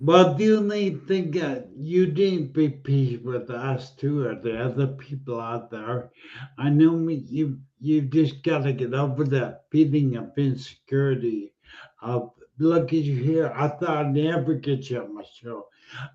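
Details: Adult male speaker; speech.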